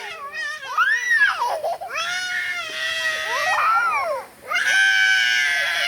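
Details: Young child crying because she wants to go to school: loud wailing bursts with rising and falling pitch in a small room.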